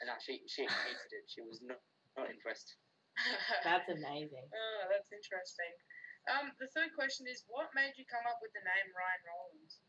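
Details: Adult; typical speech.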